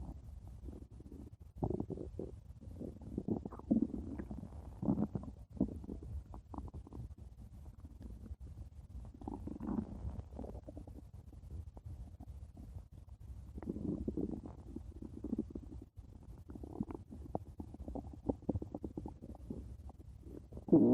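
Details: Stomach growling (borborygmi): irregular low gurgles and rumbling bursts that come and go throughout.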